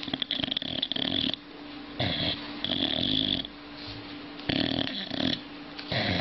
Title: Sleeping snoring dogs - Dogs, while sleeping can start to sleepwalk